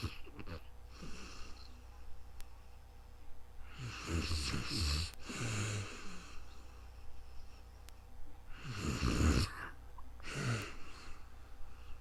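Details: Real-time snoring during calm sleep, recorded with a new microphone: rough, rattling snores in bursts with quieter breathing between them.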